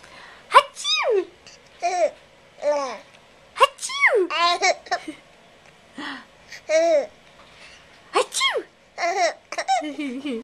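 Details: Sneezing from an infant of about 12 weeks who finds it funny: the baby laughs and squeals in bursts, with sneezes heard among them.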